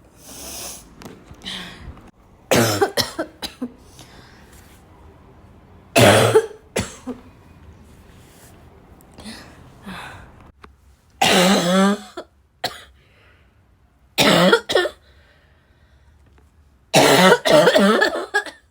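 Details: Person coughing hard enough to choke: repeated harsh coughing fits in several bursts with gasping breaths between; forceful barking cough.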